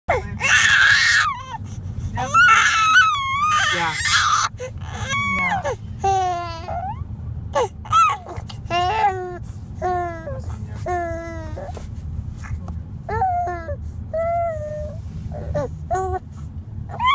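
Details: Loud crying from a baby boy that fades to softer whimpers and fussing as he settles on hearing his song.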